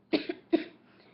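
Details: Two short, dry cough bursts about half a second apart in a quiet room.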